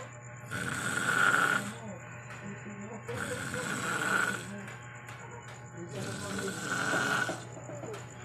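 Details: Drunk man snoring: loud, rattling snores about 21 a minute with harsh noisy inhalations, over faint background music.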